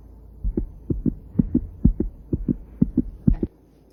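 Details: Regular paired lub-dub beats at about 125 a minute: normal heart sounds auscultated at the pulmonary area, second left intercostal space at the parasternal line, during a cardiology lab practice.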